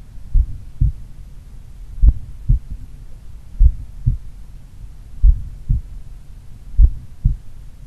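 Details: Morning self-auscultation of a person in regular daily cardio training, about 1 minute each at pulmonary, Erb's point and mitral sites (slight S3 at mitral said audible): clear, strong lub-dub pairs with long pauses, about 38 bpm; normal heart sounds, slow resting rate.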